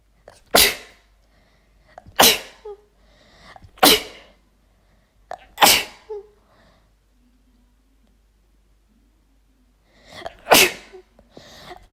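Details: Five forceful sneezes within twelve seconds from a female, each with a sharp intake and explosive release; a sneezing fit deliberately set off by chhinkni nasal irritant powder.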